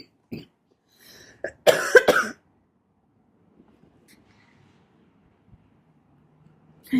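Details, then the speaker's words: A short run of harsh, loud coughs with small throat sounds before it, an adult's morning cough just after waking; she says she needs a cigarette to stop coughing because it hurts. "need a cigarette so bad I need to light this so I can stop coughing cuz it hurts"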